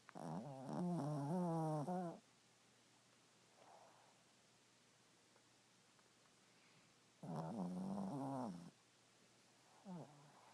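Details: A 7-year-old dog asleep next to the owner gives loud, buzzy, tonal snores about every seven seconds, with quiet breathing between them in a still room; snoring.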